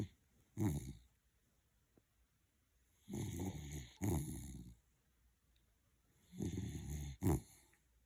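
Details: Soft low snuffling snores in short pairs with quiet pauses, from a sleeping Jack Russell terrier, possibly dreaming; snoring.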